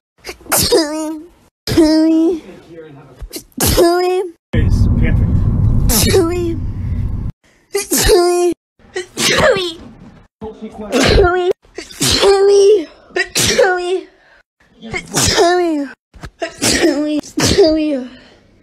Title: sneeze compilation